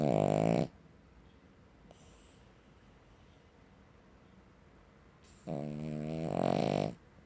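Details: Cavalier King Charles Spaniel dog: loud, harsh, rattling snores likened to a chainsaw, with a quiet pause between; coarse snoring.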